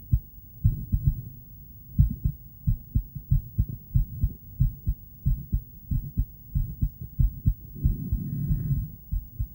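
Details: Female heartbeat picked up by an ultrasonic Doppler device: steady low thumping at roughly 90 beats per minute, a normal heartbeat.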